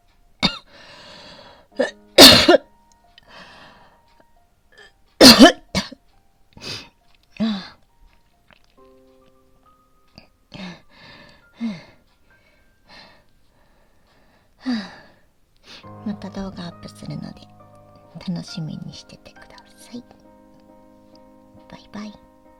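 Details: Adult woman with asthma, in a morning asthma flare with coughing she says won't stop, gives repeated dry, harsh coughs and throat clearing over soft music: asthmatic cough.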